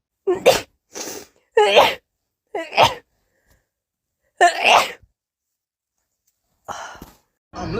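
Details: Several sharp, explosive sneezes in quick succession with brief pauses, from a compilation of rapid sneezing; ordinary repeated sneezing.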